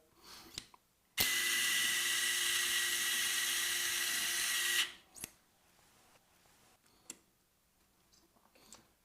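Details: Single four-second burst of steady high-pitched surgical drill whine, then quiet clicks: drilling for an additional proximal screw through a hook plate during medial malleolus fracture fixation of the ankle.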